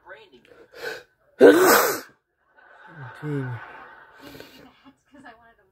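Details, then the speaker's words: A loud explosive sneeze after a brief catching breath, then a soft sigh and murmured voice; one of about 18 sneezes in a row, attempted deliberately. "18 out of there but there'll be more i sneeze way more than 18 times or 19 times someone put this video as 18 times"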